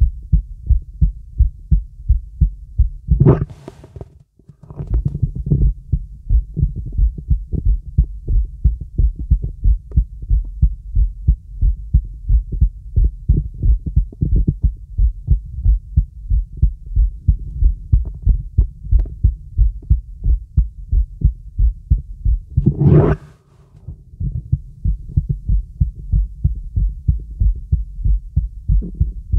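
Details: Normal heart sounds heard through a real stethoscope with the diaphragm over the heart of a girl, as part of a full-body auscultation.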